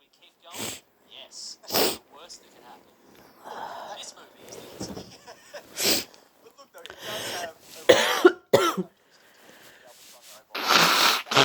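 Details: Person with a stuffy cold trying to clear a blocked nose: induced sneeze-like bursts, several coughs, sniffing, snorting and throat clearing.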